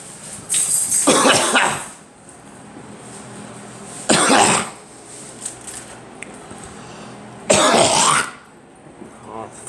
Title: Me coughing